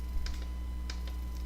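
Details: A few soft clicks from button presses over a steady low motor hum as cycle speed is adjusted (cycle 50, range 38–54) on a Spectra S1 Plus electric breast pump during a lactation consultant demonstration.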